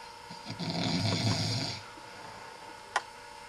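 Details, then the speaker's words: Sleeping person recorded at 4 a.m. by someone kept awake, who says the snoring has gone on for hours (claims ten days): one short, rough snore on an in-breath, then quiet; snoring. "no puedo dormir por qué porque sai está muy roncando sí lleva cuatro horas roncando mentira lleva 10 días durante 10 días roncando como un cabrón"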